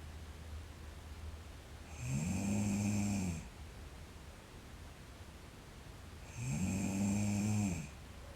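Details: Snoring in a sleeping girl: two long, buzzing, humming snores on breathing in, evenly spaced over low background hiss.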